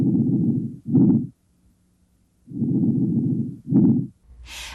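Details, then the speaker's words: Vesicular breath sounds, explained as breath sounds changing as air moves from larger into smaller airways, with background music; vesicular breath sounds. "the sounds produced by breathing change as air moves from the larger Airways [Music] into the smaller Airways"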